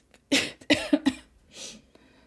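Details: Cough.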